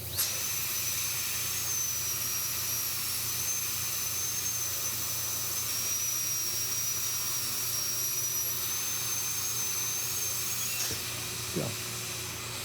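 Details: Crown preparation under a dental microscope on an endodontically treated upper left first molar with a mesial crack: steady high-pitched whine of a high-speed dental drill reducing buccal pericervical dentin 0.6 mm, stopping near the end.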